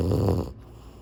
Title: Cute French Bulldog Snores with eyes open. #French Bulldog Snores